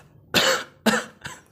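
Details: Two harsh, forceful coughs and a weaker third from an adult acting a comedy sketch, playing someone with a cough, hoarse voice, headache and difficulty breathing.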